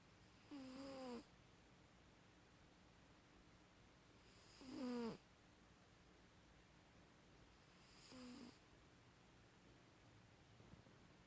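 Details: Snoring during sleep: three whistling, squeaky snores about four seconds apart, roughly 15 a minute, over quiet room noise.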